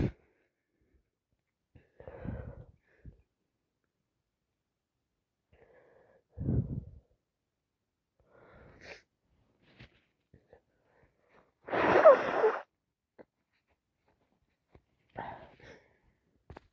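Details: Person with a lingering bad cold who is also sniffing, blowing and coughing: quiet sniffs and breaths, then one sharp, explosive sneeze in a small quiet room.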